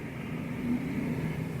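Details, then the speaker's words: An adult's stomach growling audibly mid-speech during a talking video: a low, steady rumble with faint wavering gurgling tones, consistent with borborygmi (normal digestive sounds). "first I will go ahead and answer some of the other questions that I received and then we'll go ahead and get into the whole without my stomachs growling"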